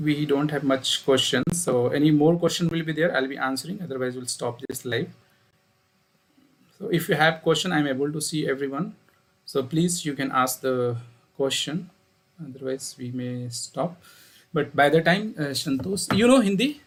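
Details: Adult speaker; normal voice.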